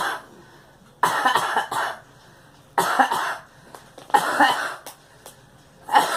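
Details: Female coughing during very cold weather: four bouts of short, harsh coughs, several in quick succession, separated by quiet pauses.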